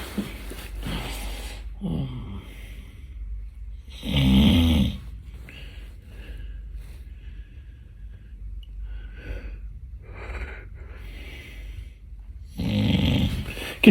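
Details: Acted comedic snoring during a nap, not real sleep: loud rattling snore bursts separated by quieter breathing.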